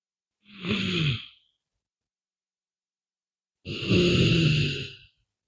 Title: NAP SHORT SNORING